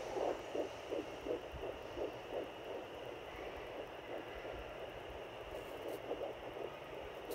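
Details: Fetal heartbeat at 10 weeks 4 days of pregnancy, heard on a home fetal Doppler just below the belly button, with the baby moving: fast, regular whooshing beats, about 170 per minute, over steady Doppler hiss; sounds healthy.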